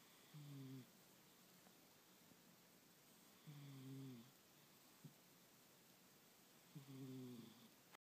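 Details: Sleeping pet cat: soft, regular snoring breaths with a buzzy, slightly whistling tone, three in eight seconds, about 20 breaths a minute, likely snoring.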